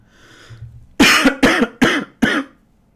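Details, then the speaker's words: Adult with a cold and a hoarse voice coughing: a run of four sharp, rough coughs in quick succession, each with a brief voiced tail, in a quiet room. "désolé pour ma voix cassée je suis je suis enrumé je suis enrumé je tousse"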